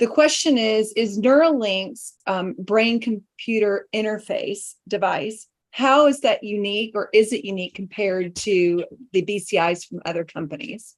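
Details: Adult woman speaking; ordinary speech.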